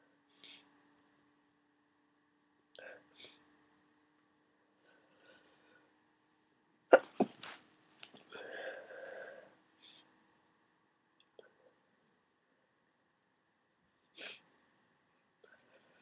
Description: Sooooo wet and snotty. Huge sneeze and nose blow at the end. Gone through a whole box of tissues today and no sign of this cold drying up.